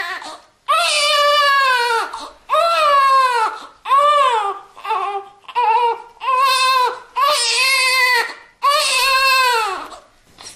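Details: Newborn crying, from a sound-effect recording: repeated strong wails, each about a second long, with brief gasping pauses between.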